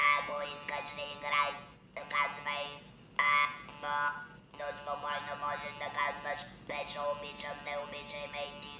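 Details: French-speaking electrolarynx user speaking with a Labex Comfort electrolarynx, after learning to find the best vibration spot for articulation; electrolarynx speech.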